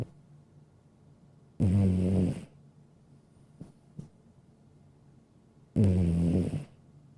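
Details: A sleeping cat snoring: two low, rattling snores about four seconds apart, roughly 15 breaths a minute, with quiet pauses between.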